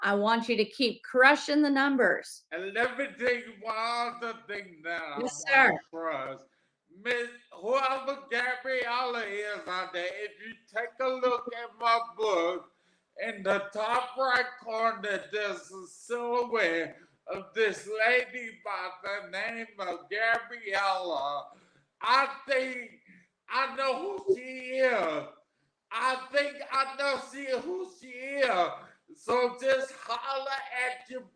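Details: Adult man, 41, with aphasia after three strokes, the first at age 27 caused by an arteriovenous malformation, about 13 years ago; garbled paragrammatic speech; aphasia.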